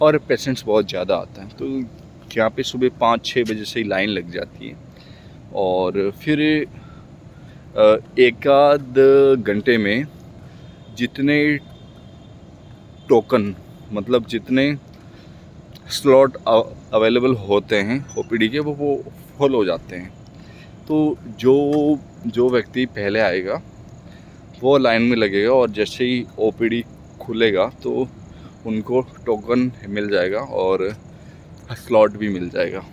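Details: Man speaking Hindi who stammers, speaking for his own practice; word repetitions heard; stuttering.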